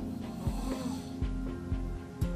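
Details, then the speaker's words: Man during overnight sleep study, diagnosed with severe sleep apnea: short, low snorting snores over background music, punctuated as he stops breathing; snoring with breathing pauses (obstructive sleep apnea). "this is the sound of clothes as he stops breathing a telltale sign of sleep apnea"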